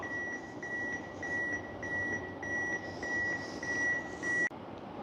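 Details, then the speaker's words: AED metronome prompt in an AED training demonstration: steady high beeps at about 100 a minute, sounding after "Shock delivered. If needed, start CPR," pacing chest compressions after the shock. "After you deliver the shock, follow the AD beeping sound and do the CPR."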